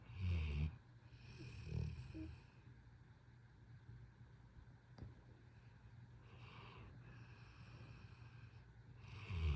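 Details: Pit bull dog snoring at bedtime: low, snorting snores at the start and end with quieter breathing between.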